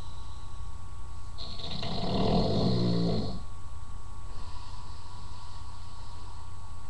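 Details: Man snoring: one long, rough, rattling snore over steady background hum.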